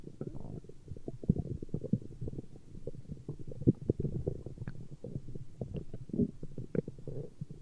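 Continuous low gurgling and rumbling with bubbling pops throughout; ordinary stomach growling from gas and fluid moving through the gut.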